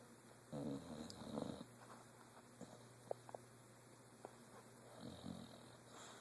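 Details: Two low, rumbling, fluttering snores, then quieter breathing with a few faint clicks and a softer third snore. Ordinary snoring.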